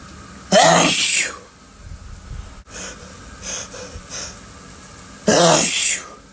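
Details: Two loud, explosive sneezes in the shower with a sharp hiss of air and brief breaths between, over running water.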